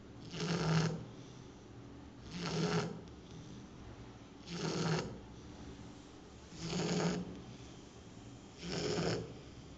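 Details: Loud snoring in a sleeping female Shar Pei dog, newly adopted and snoring loudly for the first time in her new home: five regular low rumbling snores, about 29 a minute, with brief quiet gaps.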